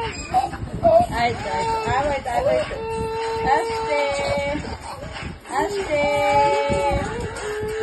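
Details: 9-month-old baby during ear piercing: whimpering and rising infant cries in distress, mixed with background talk and room noise; infant crying.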